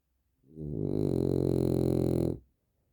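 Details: A single long, loud, rumbling snore from a sleeping dog, exhausted after a day of doing nothing, who snores a lot; heavy, harmless snoring.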